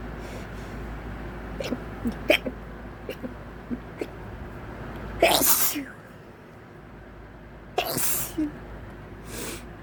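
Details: Person in a quiet car sneezing after nasal tickling, calling "help me": soft sniffs and small catches of breath, then two forceful sneezes and a third smaller one.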